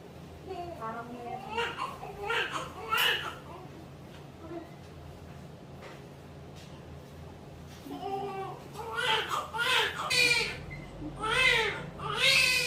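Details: Repeated short rising cries from a newborn moments after a normal vaginal delivery, with quiet room sounds between the bursts: newborn cry.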